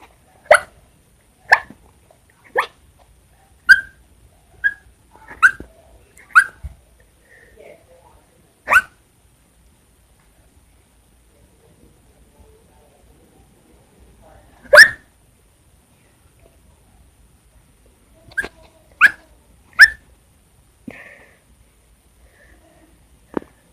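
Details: A long run of about fourteen to fifteen short, sharp sneezes, mostly closely spaced with quiet pauses; the person says such sneezing bouts happen all the time: repeated sneezing.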